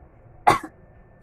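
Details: Adult woman coughs once, a short harsh burst, while eating very spicy food with sambal terasi.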